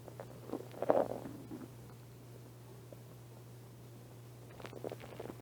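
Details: Minor stomach growling in a person who has not been eating much lately: soft gurgling and rumbling belly bursts over a steady low hum; hunger-related bowel sounds (borborygmi).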